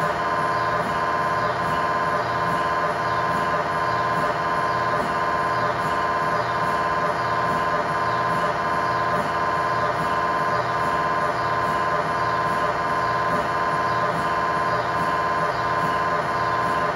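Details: MRI scanner sounds recorded inside the scan room of a GE 1.5T or 3T system: loud, continuous, evenly pulsing electronic buzz; the normal sound of an MRI scan.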